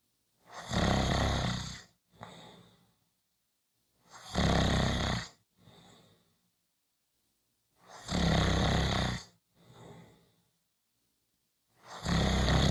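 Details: Loud, rattling snores on each breath in with softer breaths out, about 16 breaths a minute, in a quiet room; regular snoring.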